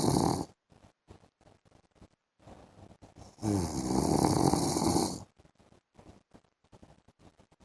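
A loud, long, rattling snore lasting nearly two seconds between quieter breathing noises and clicks; snoring during sleep.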